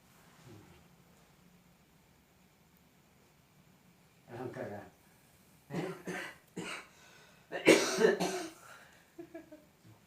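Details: Several short harsh coughs from an adult in a quiet room, a few softer sounds after, during a traditional massage therapy session for cough with fever and chills.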